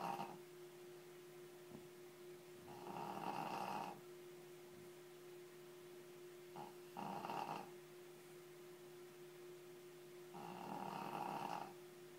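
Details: Shih Tzu dog snoring very loudly: rattling snores on each breath, three in the stretch, about 15 breaths a minute, over a steady background hum.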